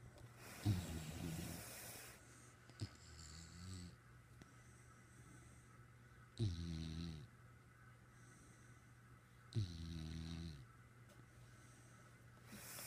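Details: Snoring from a companion lying on top of the sleeper's head and staring: low rattling snores in separate bursts seconds apart with quiet breathing between; snoring.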